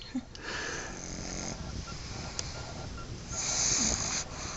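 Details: Sleeping dog sedated after a small dose of vet-prescribed Benadryl for allergies, eyes slightly open, briefly seemed not to breathe; soft, hissy, rough snoring breaths with faint snorts and some room noise; snoring.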